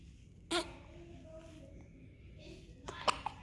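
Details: Infant with repeated hiccups: short, sharp little squeaks, two or three within a few seconds, in a quiet room.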